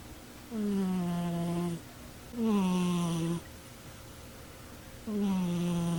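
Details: A cat sleeping on a chair snores loudly and steadily; each snore lasts about a second with a slightly falling pitch and repeats roughly every 2.5 seconds.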